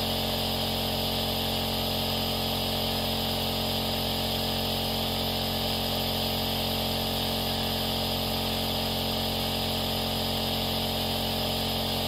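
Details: A running aerosol nebulizer compressor, recorded as a sleep sound for babies: a steady, even mechanical buzz with a hiss, like a soft, more delicate hairdryer.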